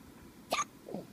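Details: Single short, abrupt hiccup followed by a soft vocal sound, from a newborn baby boy 8 hours after birth, with faint room noise.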